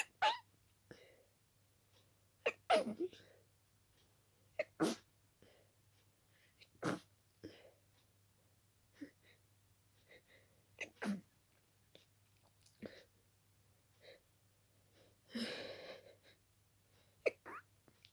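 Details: Itchy-nosed person with dust allergy: rapid run of short, wet, partly stifled sneezes and sniffs with little breath between them; an allergic sneezing fit.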